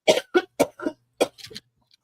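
An adult gives a quick run of about five or six short, sharp coughs in a quiet room: a plain coughing bout.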